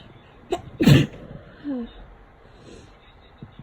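A quick catch of breath, then one forceful sneeze and a soft, tired exhale afterward.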